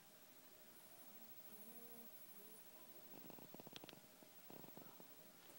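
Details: A sleeper snoring.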